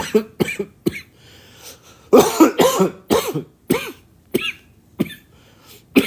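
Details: Man coughing mid-sentence while talking: cough.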